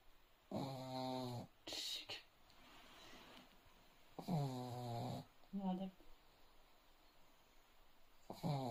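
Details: Leo, a sleeping dog, snoring: loud, rumbling snores with soft whistling out-breaths, roughly 16 a minute.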